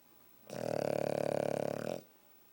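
A single loud, vibrating, rattling snore lasting about a second and a half from a sleeping pug.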